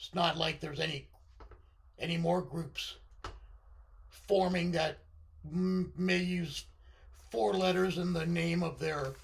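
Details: Adult man with left-sided vocal cord paralysis following surgery, limiting voice control; pitch varies from very high to baritone and is sometimes scratchy; vocal cord paralysis.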